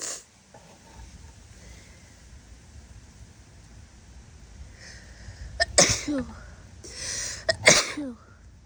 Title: snotty sick sneezes (f)